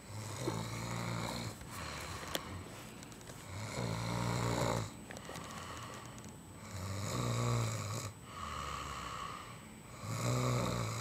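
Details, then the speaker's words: Person snoring loudly through the night, recorded by a roommate who says it keeps them awake every night. "okay this is what I go through every single night with bird snoring it's the worst"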